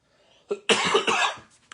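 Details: Adult with a throat tickle has a sudden coughing attack: a short throat clear followed by two harsh coughs in quick succession.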